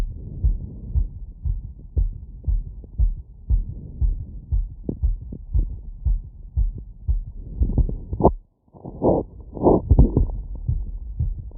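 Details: Wireless stethoscope, all membrane and funnel modes, over the valve areas and Erb's point while standing slightly tilted, after a 3 km run at 150 bpm. Fast, regular, clear thumps: sinus tachycardia, normal heart sounds.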